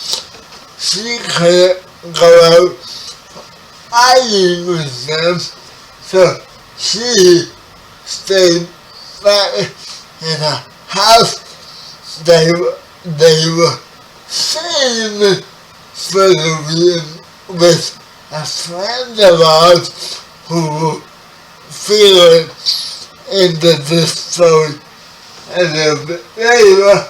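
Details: 30-year-old man with spastic quadriplegic cerebral palsy, born 11 weeks premature; speech affected by the condition; dysarthria (cerebral palsy).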